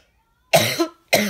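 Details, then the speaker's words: Adult woman with a lingering cough she can't stop after a cold: two abrupt dry coughs in a quiet room; persistent post-viral cough. "even though I sound like I'm sick cuz I'm coughing it's I don't know why I just can't stop the cough won't go away I had a cold and now the cough won't go away"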